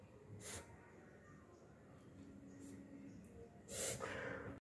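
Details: A dog gives two harsh, noisy snorting bursts through the nose: reverse sneezing.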